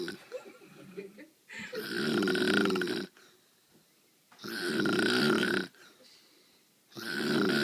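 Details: Mother deeply asleep after starting a new job at a doctor's office, her snoring heard from upstairs; loud, harsh, rattling snores on each breath about every two and a half seconds, with quiet gaps between; snoring.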